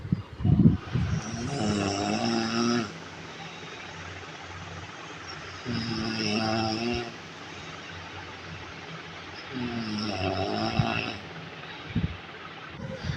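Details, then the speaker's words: Three loud, buzzing inspiratory snores from a sleeping adult man (a husband), about every four seconds, roughly 15 breaths a minute, over a steady background hum. Finding: snoring. "শুনলে তো? এই আওয়াজের মধ্যে কার ঘুম হবে বলো তো? নিজে অস্বীকার করবে যে আমি নাক ডাকি না, তোমাদেরকে শোনালাম আর আমার কাছে প্রমাণটা রেখে দিলাম।"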